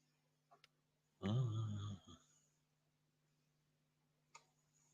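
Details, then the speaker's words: A 10-year-old dog, turning 11 in January, snoring during sleep: one rough, low, rattling snore lasting about a second against a steady room hum with faint clicks. "can you hear my dog snore"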